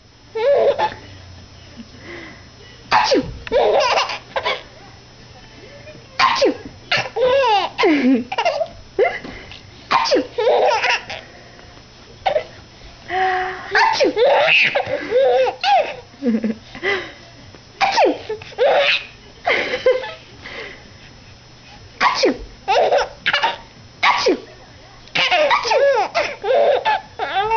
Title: funny baby lauging at his mom sneezing